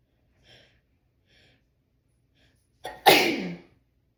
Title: How to sneeze nonstop! ( part 28)